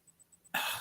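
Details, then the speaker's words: An adult recovering from flu, with something choking in the lungs, gives one sudden harsh cough burst after a quiet pause: cough. "sorry guys if you are new I've explained that I'm recovering from flu so now and again you will hear me cough"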